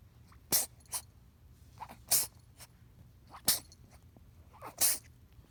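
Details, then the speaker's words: Kitten (Tuxie) that had just woken from a nap, purring that turned into non-stop sneezing: four sharp, hissy sneezes in quick succession over about five seconds with small snuffly sounds between; repeated sneezing. "Tuxie just woke up from his nap and started purring soon the purring became sneezing continued purring for a while now became non stop sneezing"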